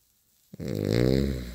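One loud, low, vibrating snore that rises and then fades on the in-breath. Plain snoring.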